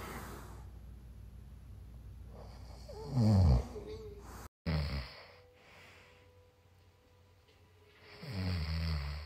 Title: My boyfriend snores